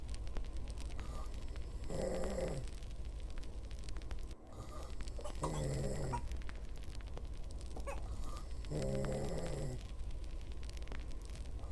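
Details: A girlfriend snoring during sleep: three deep, vibrating snores about every three and a half seconds over a steady low room hum.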